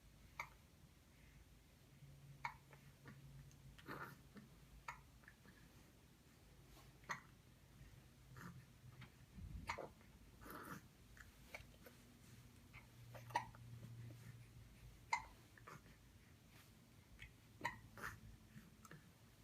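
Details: Baby girl aged 1 month 11 days with hiccups: soft, sharp little clicks recurring every two to three seconds in a quiet room, roughly eight in twenty seconds.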